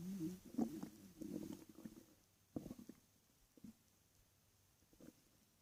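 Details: Night-time stomach growling (borborygmi) while lying in bed: gurgling, rumbling abdominal noises in irregular bursts.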